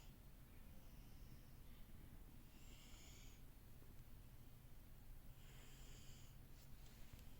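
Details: Cat snoring during an afternoon nap: soft, low rumbling snores with faint whistling on two breaths out, about eight breaths a minute, in a small room.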